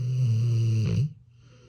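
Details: American Bully dog snoring: a loud, low, rattling snore on the in-breath that fades into quiet breathing.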